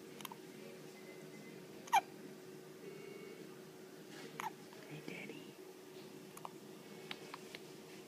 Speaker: Hi, Daddy. You get the hiccups, huh?